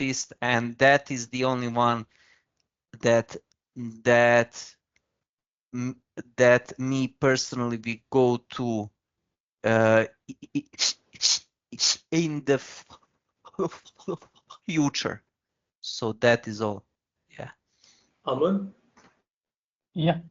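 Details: Adult man from India with real, persistent stuttering that began in early childhood, around class one or two, and still affects his speech in meetings; finding: stuttering.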